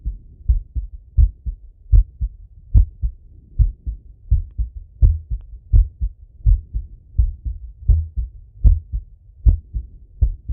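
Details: Male, own heart auscultated with a stethoscope after a workout set: strong, regular lub-dub heartbeats at about 80 per minute; normal heart sounds after exercise.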